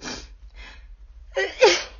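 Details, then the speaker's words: Woman sick with a cold, sitting in her car, sneezing repeatedly: faint breathy catches, then a sharp sneeze with a voiced burst at the end, near the end of a sneezing bout. "Yeah, I think it's petering out, or it might be done. It might. Hey, one more."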